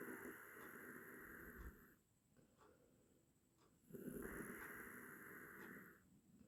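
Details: Two long, hissing, raspy snoring breaths with a quiet gap between them; from an 8-minute snoring sound-effect recording.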